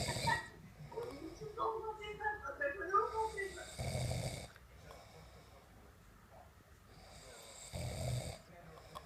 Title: Sleep good, snore